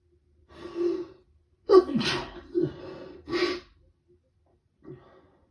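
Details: Adult with a head cold, day 2, waking in the morning with prolonged rapid sneezing fits: two forceful sneezes, each preceded by a sharp inhaled gasp, then a short breath; sneezing.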